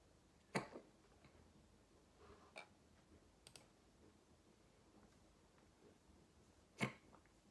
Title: Hiccups wont stop